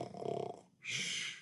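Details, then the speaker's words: Imitated snoring voiced by an adult for a sleepy dolphin puppet in a teaching clip about signs of tiredness: a fluttering snore on the in-breath, then a long hissing out-breath; simulated snoring. "now he's snoring again all right i guess he's gonna use this for his time"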